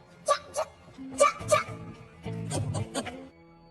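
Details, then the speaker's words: Acted film portrayal of a woman in her 20s with Tourette syndrome: sudden, short, hiccup-like uncontrollable vocal yelps recur over background music; simulated vocal tics. "however her biggest drawback in life is that she has tourette's syndrome this causes her to make uncontrollable noises that sound like hiccups"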